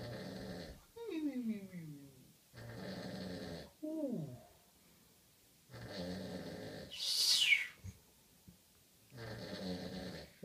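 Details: Adult's comic imitation of snoring, billed as the best snoring parody: about four rattling, buzzy inhaled snores alternating with falling whistles and a hissing exhale, exaggerated.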